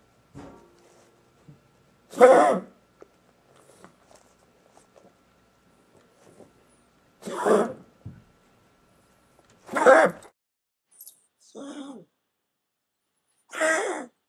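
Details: About five harsh, hacking coughs separated by pauses from Toby, a dog with kennel cough.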